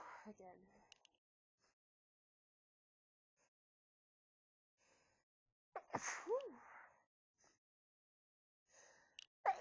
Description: lots of sneezes into soft white tissues, some talking and announcing of my sneezes